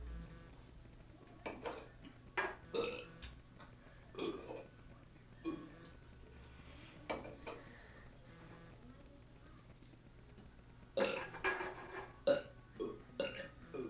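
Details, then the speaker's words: Burping contest between more than one person: several short, throaty belches in a quiet room, some close together; voluntary burping. "hey hi let's have a burping competion"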